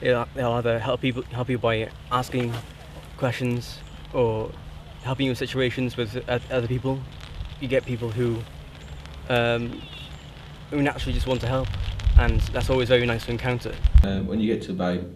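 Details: Young person who stammers; the speech includes word repetition; stammering.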